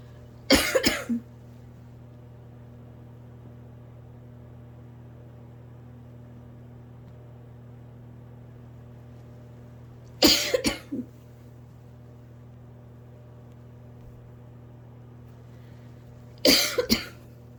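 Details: Nocturnal asthma coughing fit, nonstop coughing on lying down to sleep for several nights: three short bursts of dry, harsh coughing spaced several seconds apart.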